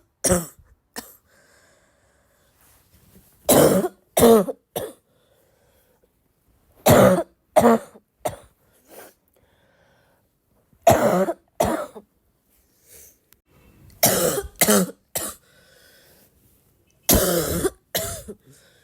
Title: the more I cough, the more I feel like coughing